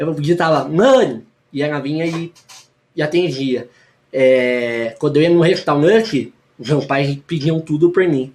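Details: Articulation disorder: a lifelong diction problem in a man who perceives his own speech as correct.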